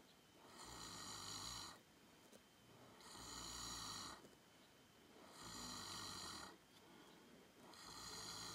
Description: An elderly cow named Cream snores a little while taking a nap on a warm, summer day.